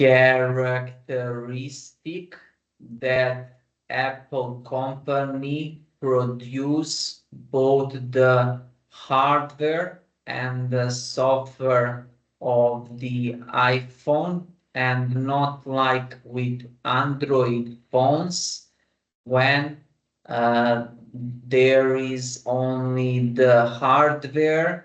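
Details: Adult man who stammers, using the flexible rate speech technique with voluntary pauses and a deep breath before continuing; stuttering with flexible rate (slowed, stretched) speech.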